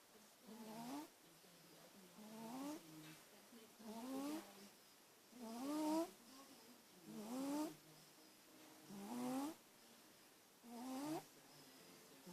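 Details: Regular soft snores with a rising whistling tone, about 36 a minute, in a quiet room, during sleep; snoring.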